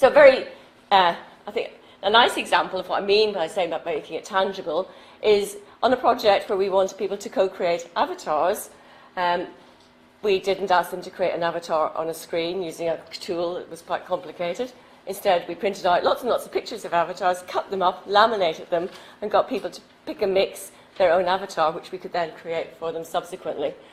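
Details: Adult woman speaking; normal speech.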